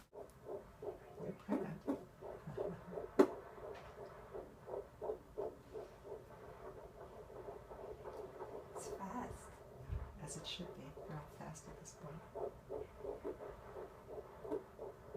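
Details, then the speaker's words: Rapid, regular whooshing fetal heartbeat on a handheld Doppler at the first prenatal exam, 11 weeks pregnant, mother with type 1 diabetes; normal early-pregnancy fetal heartbeat. "the best part I was really really hoping for this was that she pulled out her Doppler and was able to show me my baby's heartbeat my husband was there too so we got to hear the heartbeat for the first time"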